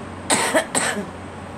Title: Girl coughing